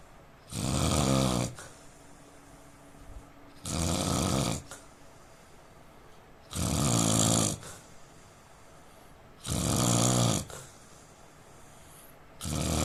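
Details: Snoring from a sleeping Indian man: loud, harsh rattling snores about every three seconds, roughly 20 a minute, with quiet gaps between.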